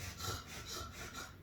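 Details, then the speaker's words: Nasal congestion in an infant during a head-to-toe exam, stethoscope placed on the nose to assess air entry: harsh, snuffly rasping airflow on each breath, a little bit of a blocked nose. "okay um and that's a little bit of a blocked nose"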